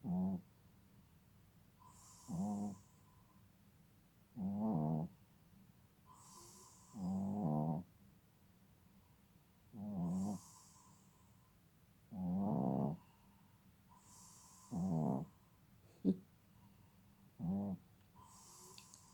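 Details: Maruice, nearly 6 months old, snoring: regular rattly snores about 24 a minute, each followed by a soft whistle on the out-breath.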